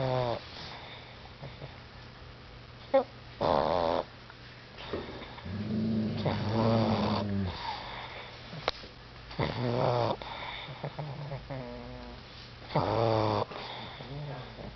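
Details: Pug snoring while dreaming with REM face twitching, eventually snoring herself awake: irregular snorting, rattling snores, some with a voiced groan, in a quiet room; snoring.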